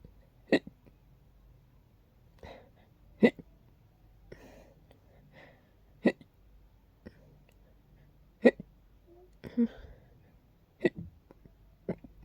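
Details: Sharp, abrupt hiccups in a quiet room, roughly every two to three seconds with soft breaths between, in a bout that turns from hiccups into sneezes.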